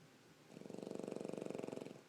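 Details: A low, rapidly fluttering purr-like rattle on one long breath; a pug snoring while sleeping on its owner.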